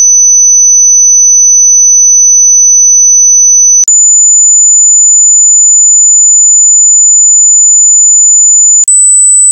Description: Test your hearing, this test starts from 10 Hz and ends to 20 kHz.